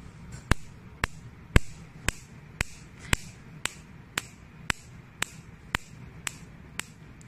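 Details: Sharp, regular snapping clicks about once a second over low room noise: a picosecond laser firing, used for pigment removal and wrinkles on the skin.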